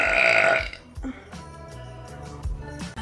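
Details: A loud belch during a live stream, followed by brief speech and background music.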